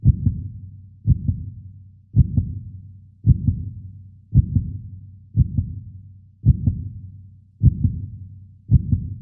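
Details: 3D animation of a human heartbeat, not a real recording: steady, regular paired thumps at about 55 beats a minute, a normal heartbeat rhythm.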